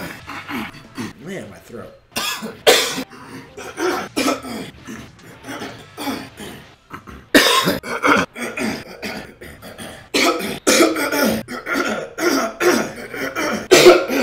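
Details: Adult man coughing and clearing his throat: a string of loud, harsh coughs and throat clears with short gaps between them.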